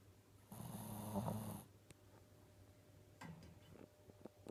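One low, rattling snore on a breath in, followed by quiet breathing and faint room noise; ordinary snoring.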